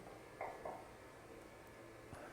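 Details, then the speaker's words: Amplified recording from the ear canal with a spontaneous otoacoustic emission: a faint steady high tone over ear-canal hiss, with a few soft thumps. "I think some of you can hear that there is a tone superimposed on that background noise. And if you didn't hear that one, then you are surely going to hear this one. Oh, this is the sound recorded from the ear canal of a young woman. She's flooded with spontaneous otoacoustic emissions."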